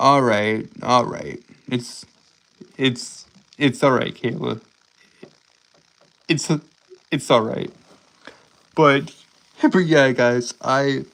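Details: Adult male streamer with a self-described speech impediment causing stuttering, word and phrase repetitions; stuttering.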